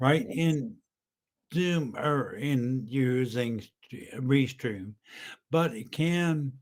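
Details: Stroke survivor with aphasia and ataxic dysarthria (identified by a clinician) after a brain aneurysm and then a massive stroke about 10 years earlier; he was totally unintelligible at first; ataxic dysarthria.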